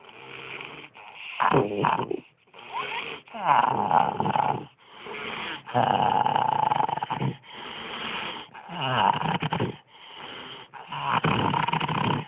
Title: Koolaid snoring